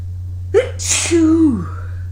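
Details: A single sharp sneeze after an early-morning run in cold air: a brief voiced intake, an explosive burst, then a short voiced trailing sound, over a steady low hum.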